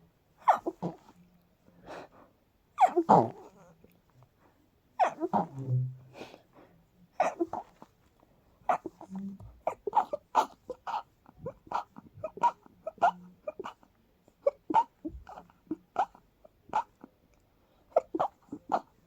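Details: A few held-back sneezes, then a long run of rapid, short, repeated sneezes in quick succession, almost stuck in a loop: a sneezing fit.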